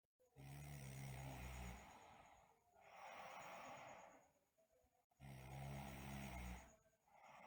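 Loud, low rattling snores on the in-breath alternating with softer breathy out-breaths, a few cycles in a short span; snoring during sleep.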